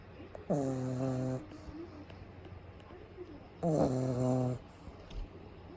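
Two loud rattling, buzzy snores about three seconds apart with quiet breathing between: snoring during sleep.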